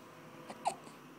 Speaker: Who has hiccups? Hiccup if you got the hiccups. Oh, oh no, still got them.